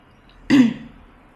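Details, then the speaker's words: A single short throaty cough in a quiet, dim living room; a grandmother coughing briefly while others eat spicy chicken soto. "Tuh kan nenek batuk sebentar ya"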